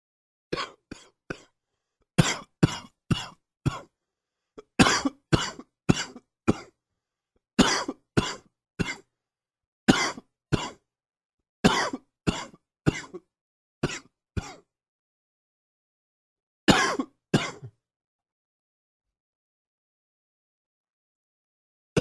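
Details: Chest cold: repeated bouts of short, harsh coughs in clusters.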